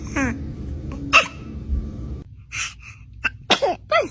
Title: babies sneezing is so cute 🥺🥰 #shortvideo #trendingshorts #ytshorts #baby #funny